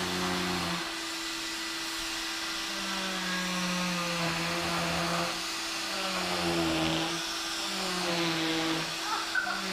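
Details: A cast saw with a steady high motor whine, shifting pitch and grinding as the blade meets the material, cutting off a boy's leg cast at his final cast removal.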